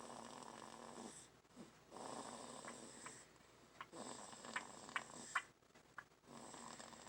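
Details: Dog Kelti making funny noises while sleeping: raspy, fluttering breaths with soft snorts and squeaky puffs. Snoring during sleep.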